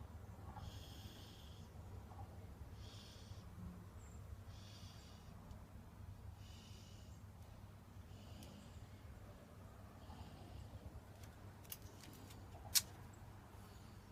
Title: It's a hard life! Snore fest